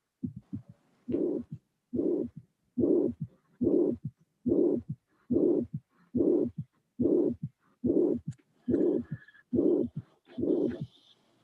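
Regular heartbeat about 71 a minute with a harsh blowing murmur filling each systole between the first and second sounds: mitral regurgitation.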